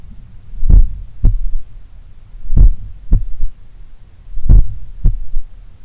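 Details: Slow, powerful heartbeat near 32 a minute recorded at the apex in the morning while lying on the left side; each main sound followed by a softer low thud, a third heart sound (S3), attributed to blood recoil or a slightly larger/supple left ventricle.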